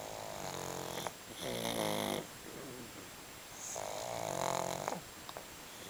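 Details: Two sleeping pugs snoring: buzzing, rattling snores on each breath, typical of a flat-faced breed.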